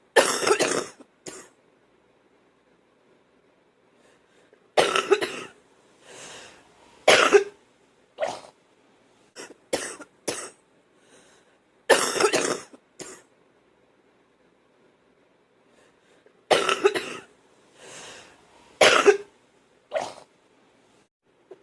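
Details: Repeated bouts of loose, phlegmy coughing with throat clearing between them; wet productive cough.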